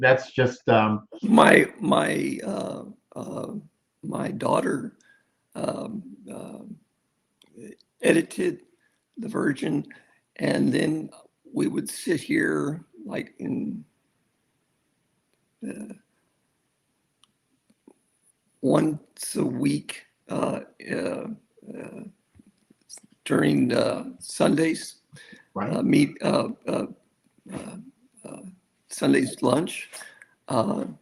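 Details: Non-fluent aphasia in an adult man after a severe stroke at age 47 (December 2006, ischemic turning hemorrhagic); he reports the stroke took his voice away, he cannot get words out, and it worsens when excited; long pauses, fillers, repeated words.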